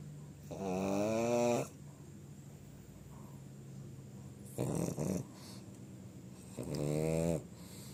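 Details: A small dog, possibly a pug, snoring: three loud, rattling snores over about eight seconds with a steady low hum in the room behind them.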